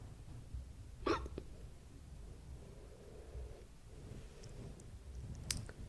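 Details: Hiccups: two sharp, brief hiccup sounds several seconds apart in a quiet room.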